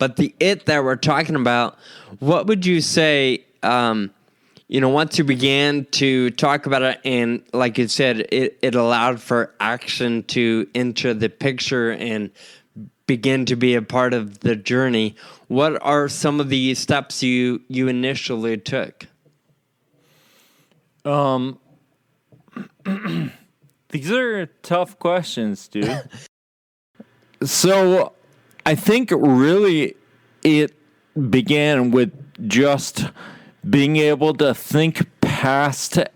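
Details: Adult podcast host with Friedreich's ataxia, which causes loss of muscle control in the legs and arms, impaired balance and slurred speech; ataxic dysarthria (slurred speech) in Friedreich's ataxia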